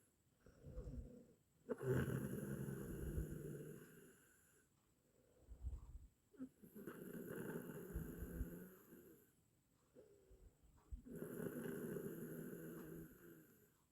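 Three long, rattling, low snores on the in-breath, each about three seconds, with quiet breaths out between them, about 13 breaths a minute.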